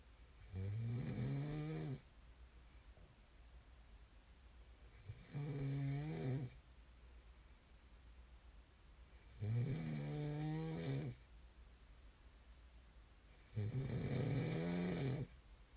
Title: [코 고는 소리 ASMR] 코 고는 사람을 좋아하는 사람은 없겠죠? There's no one who likes snoring, right?